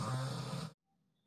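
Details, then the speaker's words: Snoring heard at night around midnight while the listener sits quietly; a person nearby snores loudly. "তোমরা শুনতে পাচ্ছ? একটু দাঁড়াও, আমি একদম শান্ত হয়ে চুপচাপ বসে থাকবো, আর তোমরা শুনতে পারবো কীভাবে নাক ডাকছে। শুনতে পেয়েছো কি নাক ডাকছে বাবা?"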